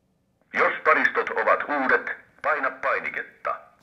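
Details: ZOLL AED Plus defibrillator, after ten new batteries and adult defibrillation electrodes are fitted: a clear, evenly paced recorded voice gives a short spoken instruction; AED voice prompt.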